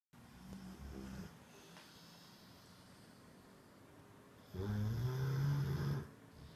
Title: cane corso dog snoring